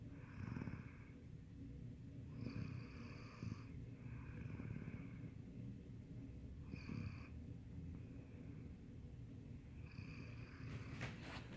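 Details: Snoring: soft rattling snores with purr-like breaths every couple of seconds over steady room hiss, from a sleeping cat.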